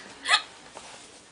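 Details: A person trying to get rid of their own hiccups: one sharp, brief hiccup in a quiet room.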